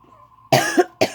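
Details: Cat makes cackling vocal sounds in response to its owners coughing; cough heard.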